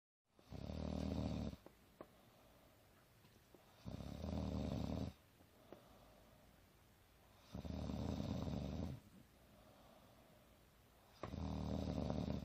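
Steady, low, rumbling snores on each breath in, about every 3.5 seconds (roughly 16 a minute), with quiet pauses between; regular snoring.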